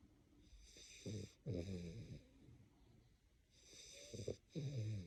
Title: Boy being snores 😴